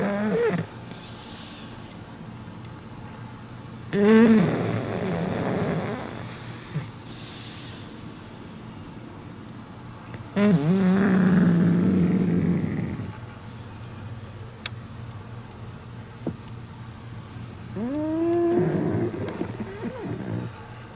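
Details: Sleeping pug, apparently having a good dream and wagging its tail: slow, loud snoring breaths with a squeaky, whistling edge, about nine a minute.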